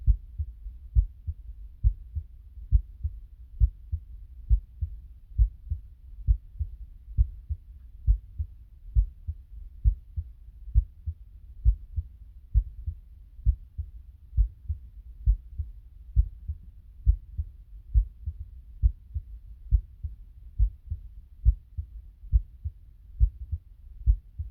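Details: Person's own normal heartbeat recorded with a phone held close to the body: steady, regular low thumping at about 67 beats per minute.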